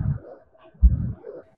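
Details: Simulated heart sounds, made by the 1910 method of faking sounds through a stethoscope, with a soft rushing noise after the first sound, imitating an ejection systolic murmur.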